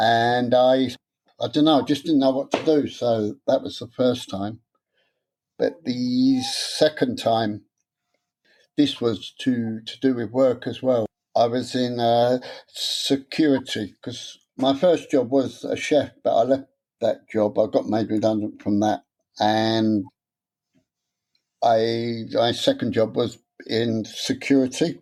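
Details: Adult man who has stammered since about age seven, with onset after childhood trauma (his parents' deaths); after a three-day therapy course teaching a breathing technique he still gets stuck on some words and swaps words. Stuttering (stammer).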